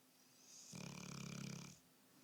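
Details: Bullmastiff dog snoring: a single low, rattling, vibrating snore lasting about a second.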